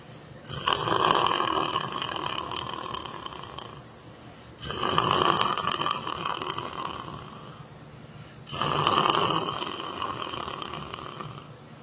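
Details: Person asleep while sitting down in church, three long, harsh, rattling snores about four seconds apart, roughly 15 breaths a minute, with quiet pauses between them: loud snoring during sleep.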